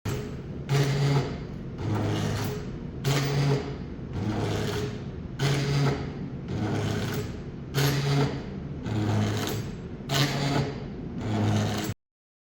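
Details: Rhythmic mechanical whir and hum repeating about every 2.3 seconds from a hybrid medical ventilator device cycling steadily.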